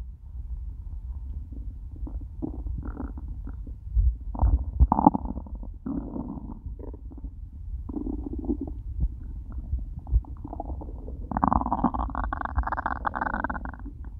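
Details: After eating nothing all day, stomach starting to hurt by the end; loud, prolonged rumbling and gurgling swelling at the end; hunger borborygmi.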